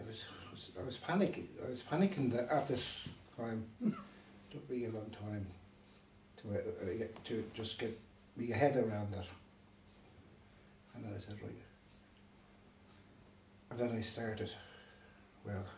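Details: Man with aphasia after a stroke, left unable to read or write; aphasia.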